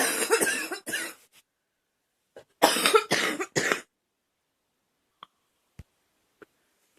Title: Girl coughing 186